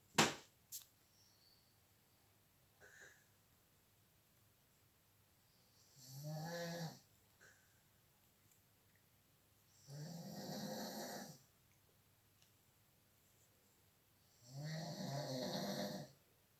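Three long, rattling inhaled snores at slow, regular intervals in a quiet room, about one breath every four seconds; snoring.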